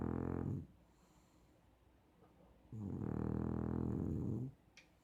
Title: I DON'T SNORE